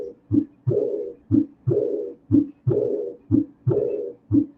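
Regular heartbeat at about 60 a minute. Each short, sharp sound is followed by a soft, blowing murmur that fades through diastole. This is a diastolic murmur of pulmonary regurgitation without pulmonary hypertension, with blood leaking back through the pulmonary valve.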